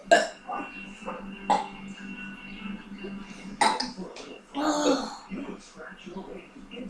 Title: the burping contest